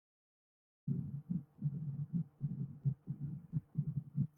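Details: Late diastolic (presystolic) murmur, played as a teaching example of valvular heart disease murmurs.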